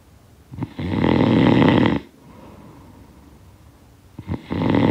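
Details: Loud rattling snores on each breath in with quieter breathing out between; typical snoring from a sound-effect recording.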